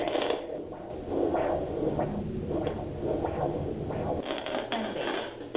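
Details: Home fetal doppler with gel on the probe, week 11 of a first pregnancy with twins: rhythmic whooshing pulses over static hiss, the mother's own heartbeat and blood flow through an artery near the uterus.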